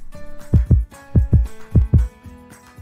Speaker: have you heard the most beautiful sound in the world it's the rhythmic Melody of your baby's Heartbeats